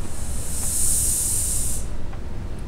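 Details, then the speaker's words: Below-knee amputee putting residual limb with silicone ring liner into vacuum/suction prosthetic socket, then opening the one-way valve: sharp steady hiss of air venting about two seconds, creating suction; prosthetic socket valve releasing air. "so that when I put them on like this and I put my leg in like that I open the valve"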